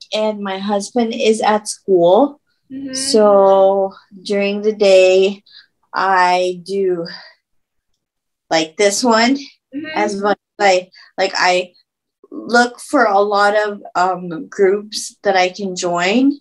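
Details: Woman who had a stroke at age 24, about 10 years earlier, with chronic post-stroke aphasia.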